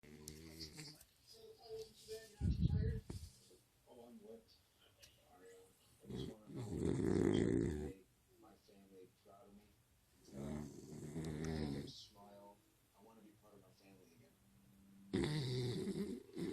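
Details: Skittles, a sleeping animal, probably a dog, in a quiet room: irregular snoring breaths with rattling, grunting snorts and some louder bursts; snoring.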